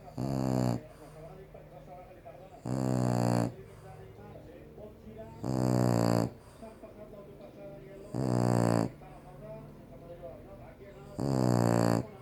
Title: Bulldog Frances roncando